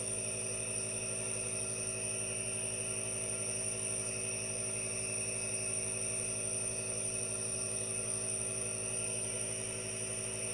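Steady mechanical hum with a constant hiss from a running nebulizer, unchanged throughout.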